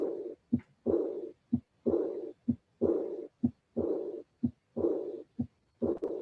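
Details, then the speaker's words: Aortic regurgitation in a teaching recording: heartbeat about 63 a minute. Each beat is followed by a long, soft, high-frequency, low-intensity blowing diastolic murmur after the second sound, easily missed. "i want to underline and emphasize the fact that this is a high frequency sound uh with relatively low intensity and could be easily missed"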